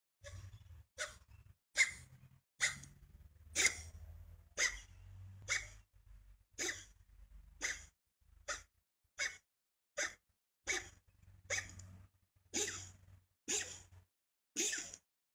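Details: A resting cat with asthma takes rapid, harsh, noisy breaths, about 65 a minute, during an asthma episode: feline asthma respiratory distress.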